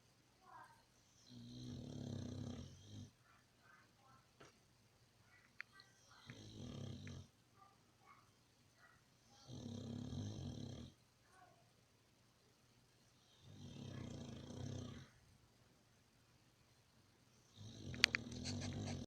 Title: My pitbull snores